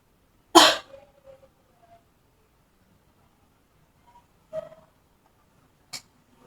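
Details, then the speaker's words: Simulated nursing-student demonstration of effective cough training for a seated female client: hands on abdomen, breath in through the nose held 2-3 seconds, then a single short, sharp voluntary cough through the mouth. "Pertama, Ibu letakkan kedua tangan Ibu di atas perut, kemudian tarik nafas lewat hidung, lalu tahan 2-3 detik. Oke. Kemudian batukan lewat mulut."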